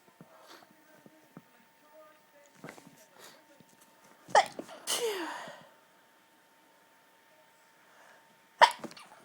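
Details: Violent stifled sneezes, very hard to hold back, some strong enough to make the person double over; quiet rustling and small breaths, then two sharp, muffled sneezes a few seconds apart, one with a trailing hiss.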